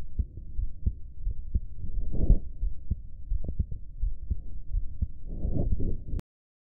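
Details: Person's own heartbeat recording: steady, dull low thumps with brief rustling noise in places; an ordinary heartbeat.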